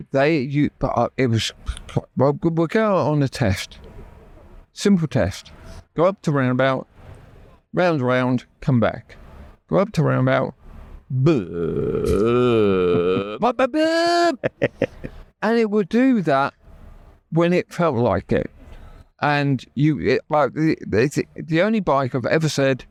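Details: Adult man with aphasia after a stroke that nearly killed him and paralysed his right side; had to relearn speech, leaving hospital able to say only three words; still knows what he wants to say but words come out differently.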